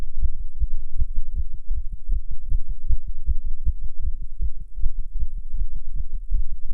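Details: Non-smoker smoking a cigarette, heart rate rising under nicotine: a rapid, regular heartbeat with quick, closely spaced thumps well over 100 a minute; tachycardia.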